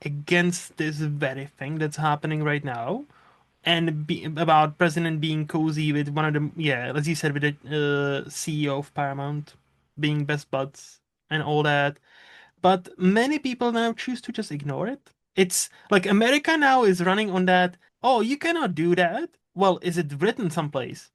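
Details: Adult male speaker; Normal conversational speech.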